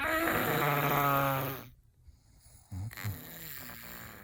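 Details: Infant imitating a snore: a long, buzzing, rattly snore-like sound, then brief quiet vocal noises. This is a baby mimicking snoring, not true sleep snoring.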